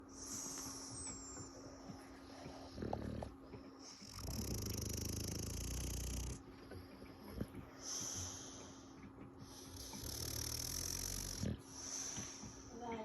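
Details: Sleeping bulldogs snoring: loud snorting snores, rough noisy breaths with whistling edges, roughly 20 per minute.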